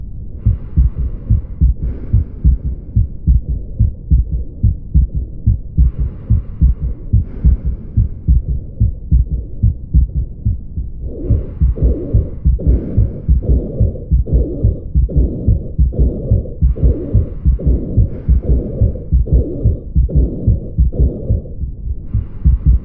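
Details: Normal heart sounds heard through a stethoscope during a clinical examination: a regular heartbeat at about 72 beats a minute with steady low thumping beats.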